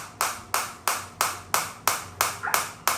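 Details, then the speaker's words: Sharp, regular snapping pulses about three times a second from a Biotronix SW7 focused shockwave therapy device firing on the operator's own hand at intensity 10, frequency lowering as intensity rises. "So right now I'm getting very focus shock wave on the hand area and uh this is the intensity 10."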